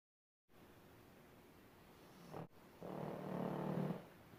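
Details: Sleeping pug, tagged as a puppy: low rumbling snoring with a snort-like break midway, typical flat-faced dog snoring.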